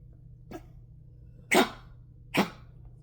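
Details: Eva, a dog, coughing: three short, harsh coughs, the last two loud and forceful, with a faint hum in the room.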